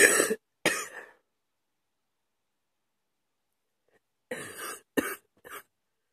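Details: Person woken in the middle of the night coughing at 2 AM: two harsh coughs, a pause, then three more short coughs; a night-time coughing bout.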